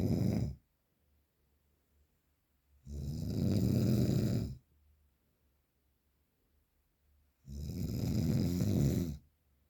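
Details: Very strong, real, unprocessed snoring: loud, rough, low-pitched snores about 14 a minute with quiet pauses between, heavy snoring.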